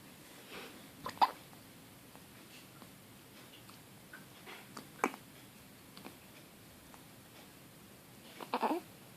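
Soft, sharp catches repeating about every three to four seconds over quiet room noise: infant hiccups.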